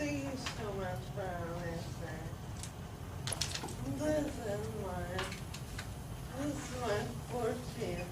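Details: Ataxic dysarthria in an adult woman with Friedreich's ataxia, which lists speech and swallowing problems among its symptoms; her sister also has Friedreich's ataxia.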